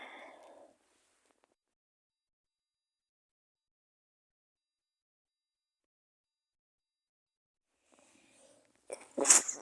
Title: cold sneezes 🤧 first video ever